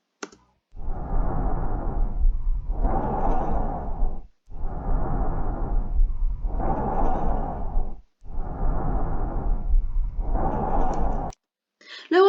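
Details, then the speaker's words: Normal bronchial breath sounds heard over the large bronchi on the anterior chest near the sternum: loud, hollow, like tracheal breathing but softer, with inspiration and expiration of similar length separated by a brief pause. "Su ruido es similar a la respiración traqueal, pero con menor intensidad. Presenta un tiempo de inspiración y expiración similar con una pequeña pausa entre ellos."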